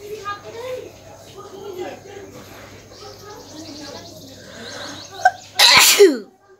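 Quiet sniffling and rustling, then one loud explosive sneeze with a sharp burst of air near the end.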